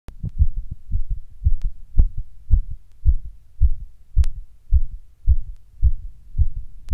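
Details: Person sitting down when heart starts beating weird and hard, sometimes fast: strong, forceful heartbeats at about 110 a minute with slightly uneven spacing; palpitations.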